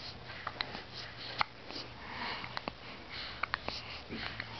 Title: Hiccups!